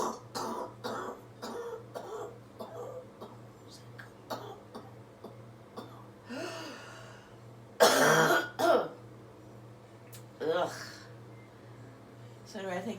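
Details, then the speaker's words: A surgeon with COVID-19 infection on day 19, coughing up phlegm after chest percussion using out-through-mouth breathing technique: short breathy coughs and throat clearing, then harsher wet coughs bringing up deep phlegm (three loogies); productive cough. "a really good way at least I found to really get that deep stuff coughed up so that means I got three loogies out of that"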